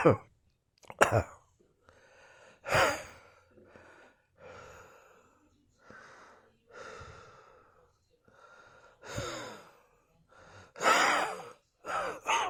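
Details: Wheezing and coughing in a dressing gown: harsh coughs alternating with whistling, musical wheezy breaths.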